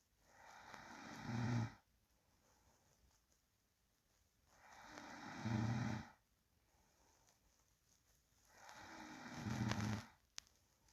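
Slow, steady sleep breathing at about 15 breaths a minute, each breath ending in a soft, low snore.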